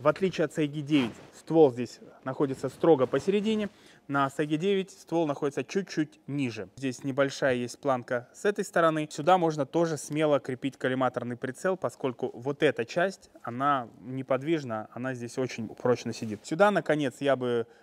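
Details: Adult male speaker; normal voice.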